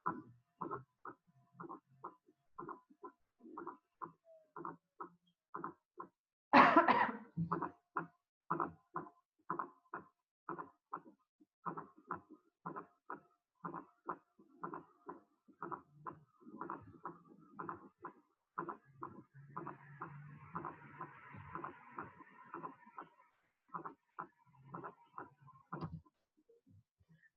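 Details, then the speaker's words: Fourth heart sound (S4): regular heart sounds with a soft extra sound just before the first sound. Unlike a third sound, a fourth heart sound is always pathological. "A diferencia del tercer ruido, siempre que escucho un cuarto ruido es es patológico."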